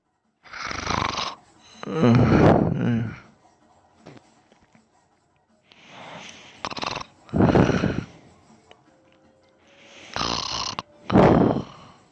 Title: Me snoring and sleep talking again ❤️